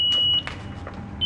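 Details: Test shock tone from a defibrillator pre-use self-test at 30 joules, after selecting 30 J, charging, then pressing shock into a tester.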